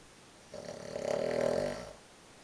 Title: XC downhill team on tour - snoring